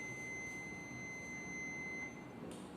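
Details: Steady high-pitched alert tone from an automated external defibrillator before the shock is delivered, during an adult basic life support demonstration.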